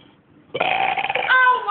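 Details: Person burping loudly at school: one long, loud, rumbling voiced belch lasting about a second.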